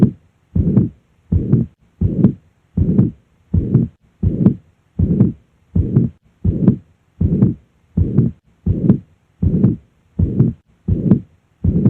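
A regular heartbeat of about 80 a minute, each beat carrying a long, even blowing murmur that fills the gap between the heart sounds, with quiet pauses between. This is the holosystolic murmur of mitral regurgitation at the apex, where blood leaks backward through the mitral valve.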